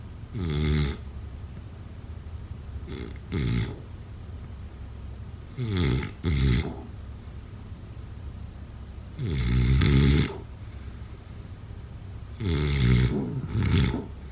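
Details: Snoring during sleep, offered as a sleep sound effect: loud, low, rattling snores coming in pairs of breaths, several cycles over about fourteen seconds.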